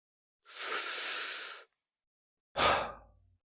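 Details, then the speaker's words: A long, airy deep breath in, then a short breath out, during an acted stethoscope chest exam of a patient with sore throat, fever and cough; her lungs are said to sound clear, and she is diagnosed with a throat infection. "Okay. Now, let me listen to your chest with a stethoscope. Take a deep breath. And another one."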